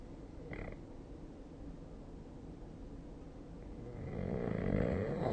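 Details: Snoring during sleep, recorded with the SnoreLab snoring app: low, rough rumbling breath noise that swells near the end.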